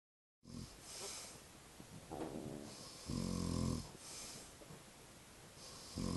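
Low, rumbling snore on the in-breath with soft breathing around it, in a quiet room; snoring during sleep.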